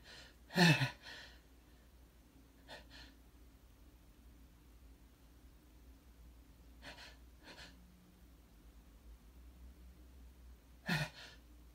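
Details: An adult male's wet morning sneezing: a few sharp, wet sneeze bursts with quiet breathing in between.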